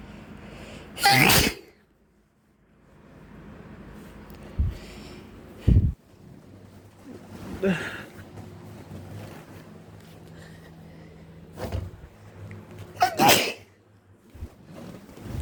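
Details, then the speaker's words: Man sneezing after a workout. He is breathing heavily and has just come in from outdoors in spring, with pollen making his nose itch. Several loud, explosive sneezes with short breaths and pauses between them, over low room hum; repeated sneezing. "And I think it's affecting me more. My nose is itching because breathing heavy because I just got done working out."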